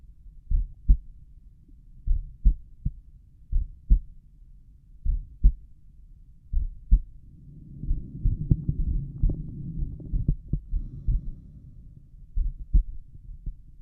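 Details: Slow, regular paired heart sounds at about 40 beats a minute over the tricuspid area at rest, with a patch of rubbing noise midway; stomach rumbles possible; normal heart sounds, slow resting rate.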